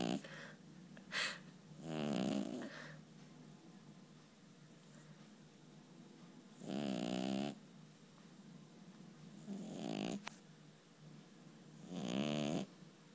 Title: Snoring kitty